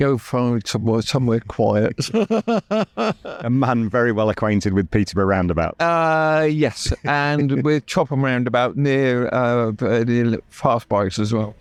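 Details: Adult male stroke survivor with right-sided paralysis who had to relearn speech, leaving hospital able to say only three words, with persistent aphasia where intended words come out differently; aphasia.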